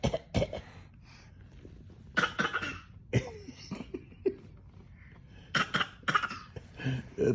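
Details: Young child's voluntary pretend cough, acting sick: several short, deliberate coughs in quick bursts with quiet gaps between them.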